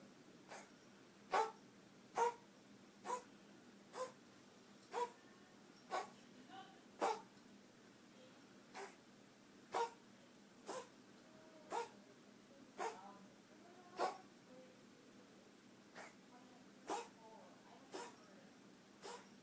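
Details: 8-month-old female kitten, typically unprovoked episodes of 2-3 rounds about twice a week; owner wonders if asthmatic: run of about nineteen short, sharp, dry coughs at roughly one per second, a feline coughing episode.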